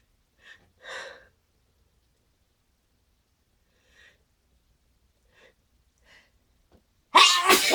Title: Very loud sneezing with buildups